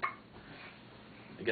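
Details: Infant girl with hiccups while with her father: two brief, sharp hiccups about a second and a half apart.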